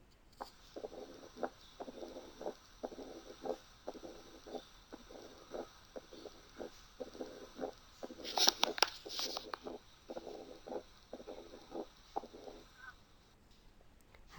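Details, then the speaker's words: Teaching recording of mitral stenosis heard with the stethoscope bell: regular heart sounds with a faint, low-pitched mid-diastolic rumble. "هنسمع دلوقتي مثال لميترال ستينوزيس. هنلاحظ الصوت هيبقى لب ضب بعدين ترب ترب. الصوت فينت قوي، نحاول نركز على قد ما نقدر عشان نلقطه."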